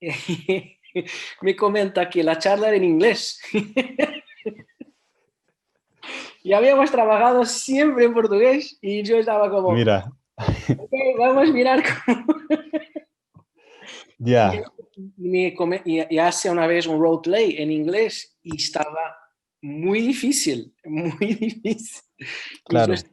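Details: Adult speaker; no speech disorder.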